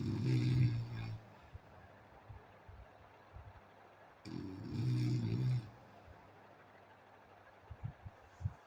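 Two loud, low, rattling snores on the in-breath, roughly four seconds apart, with quiet breathing and faint room noise between: ordinary sleep snoring.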